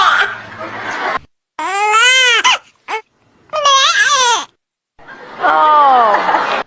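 Several short, rising-falling infant cry bursts separated by pauses, with some room noise at the start; a hunger cry.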